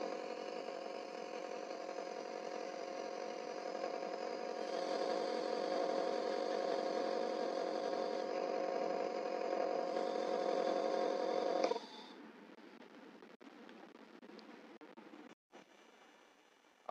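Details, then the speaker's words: Home compressor nebulizer running, with airflow output adjustable (open for more air for adults, closed for slower, lower output for children): steady mechanical buzzing hum, then switching off with quieter handling noise. "आपने इसको open कर देना है तो ये ज्यादा हवा लगा और पास करेगा अगर आपको क्लोज कर देते हैं तो ये थोड़ा सा स्लो हो जाता है"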